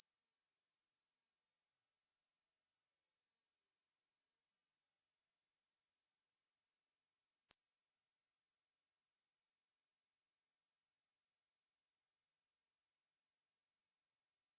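A steady, very high-pitched pure tone slowly rising in pitch, with a brief break midway; a tone sweep used as a hearing-age check.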